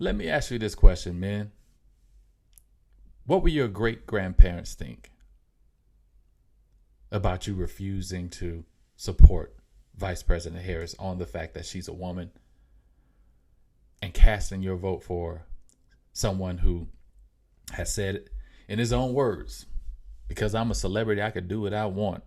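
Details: Mild, self-reported stuttering in an adult male podcast host, who says it can be heard in his speech.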